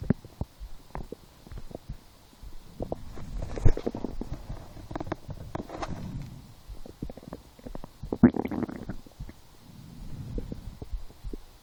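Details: Hunger-related stomach growling (borborygmi) while lying down, after skipping breakfast, a small lunch, and two doughnuts four hours later: loud gurgling rumbles and bubbly pops coming and going in waves.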